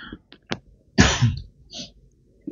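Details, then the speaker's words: Adult's incidental cough picked up during an unedited talking recording with poor audio; cough. "jadi channel ini sih videonya enggak pernah diedit dan audionya ya kayak gini apa adanya audionya jelek banget kadang suara-suara saya batuk suara ini semuanya kedengaran ya"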